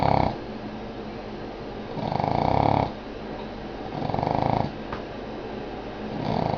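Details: Boston Terrier sound asleep, giving loud, rough snores on each breath about every two seconds, roughly 30 a minute, with quiet pauses between: snoring.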